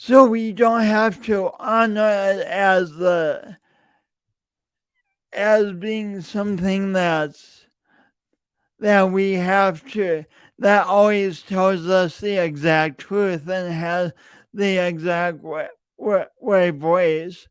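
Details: Adult man with a self-reported speech impediment, present for years and audible whenever he speaks; stuttering with repeated words.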